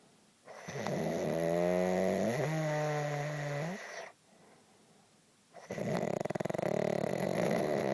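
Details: Snoring person recorded at 3:30 am: loud, drawn-out snores with a droning, pitched, lawn-mower-like quality and a rattling buzz on the next breath; heavy snoring.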